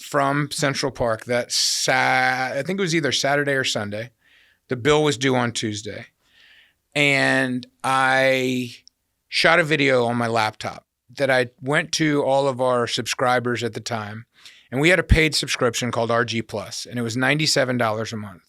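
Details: Adult male speaker; typical speech.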